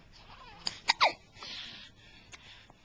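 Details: Hiccups: three quick, abrupt voiced catches close together, followed by soft breathy sounds.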